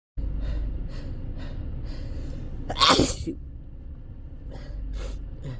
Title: Loud uncontrolled sneezing